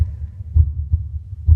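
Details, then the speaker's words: Low, regular lub-dub at roughly 60 beats a minute on precordial auscultation: a longer, louder, lower-pitched first heart sound (systole) and a shorter, higher second sound; normal S1 and S2. "mi primer ruido cardíaco que es de mayor duración de mayor intensidad y es grave que corresponde a la sístole cardíaca mi segundo ruido cardíaco que es más corto que es más agudo y que corresponde al sistema de repolarización que es la"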